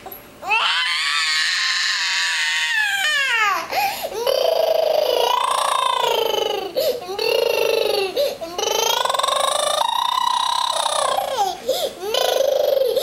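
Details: Child crying: loud, sustained wailing cries with catching breaths between bursts; ordinary distressed crying.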